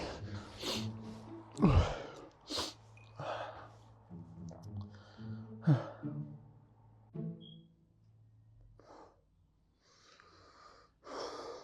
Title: Normal sneeze Vs Dad's sneeze